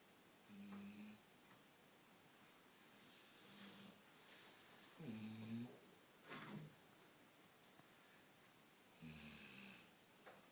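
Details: A sleeping dog gives repeated low, fluttering snores with soft whistling breaths between, about 30 breaths per minute, in a quiet room; snoring.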